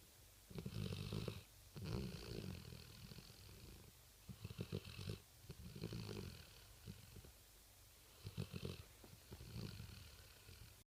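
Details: A Rottweiler dog sleeping at night gives low, rumbling snores in irregular bursts with short pauses between them, about 16 a minute: snoring.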